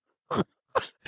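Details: Two short, forceful coughs from an adult who has been sick for almost a month, with a third cough starting as the clip ends.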